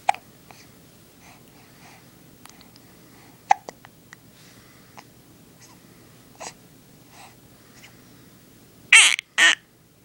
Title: Talk About Hiccups